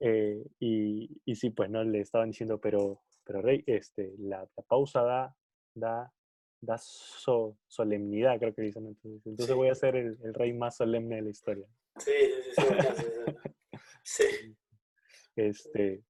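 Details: Person who stutters (self-identified), speaking in conversation about using pauses in stuttering; stuttering.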